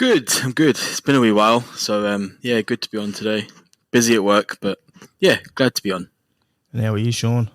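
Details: Adult male speaker; Normal voice.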